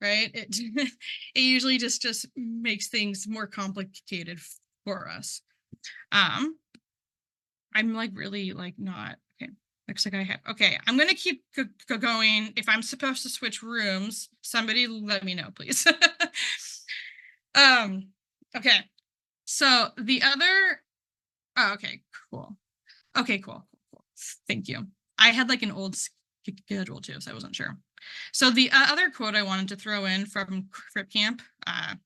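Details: Adult man who stutters, with audible word and part-word repetitions; stuttering.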